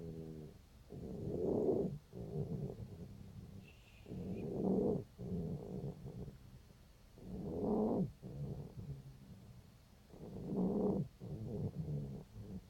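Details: Cat, 5 days after laryngeal tie-back surgery: loud, rough, snoring-like noise on each breath, about 20 breaths a minute; stertor.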